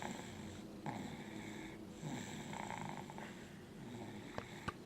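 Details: Man snoring softly after a Thanksgiving meal of turkey, stuffing, potatoes and pie: low snoring breaths beneath steady room noise and a faint hum, a couple of sharp clicks near the end: snoring.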